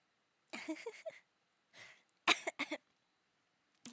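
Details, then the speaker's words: Several harsh, dry coughs in two clusters in a quiet room while drinking a cold ice-cream milkshake, which the person blames for the coughing; cough. "I I have a milkshake and you know what happens when you have ice cream? Sometimes you just like you just like cough for some reason because it's cold."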